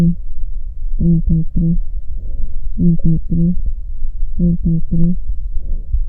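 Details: Chest examination teaching: a spoken three-syllable phrase repeats four times, heard through the chest as a low, muffled hum with indistinct words: normal vocal resonance.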